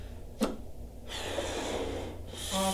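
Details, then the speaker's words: Simulated healthy lung: smooth airflow as a plain balloon lung model is inflated, no shaking, rattling or wheezing, unlike the popcorn-filled unhealthy model in a vaping-risk demonstration: normal breath sounds. "Very healthy lung. You didn't hear anything. It sounded super nice."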